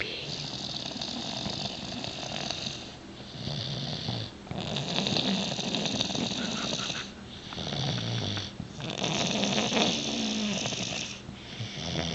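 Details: Pet dog asleep on the couch at about 10 o'clock after a long day: loud, steady, hissing and rumbling snores in long regular breaths, roughly 15 a minute. Snoring.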